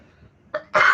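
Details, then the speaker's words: Adult man who says he sometimes coughs suddenly without having eaten anything, talking while drinking coffee: two quick cough bursts, the second louder and harsher. "gitu loh penyakitnya padahal enggak makan apa-apa kadang tiba-tiba batuk gitu."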